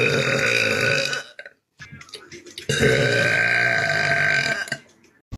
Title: Pretty girl burping #fyp #shorts #burp #prettygirl #girlburps